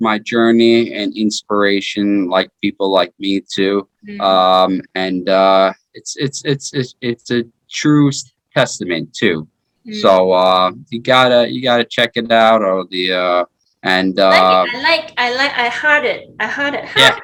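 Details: 33-year-old man with aphasia after a stroke in 2019 following his second heart surgery; aphasia.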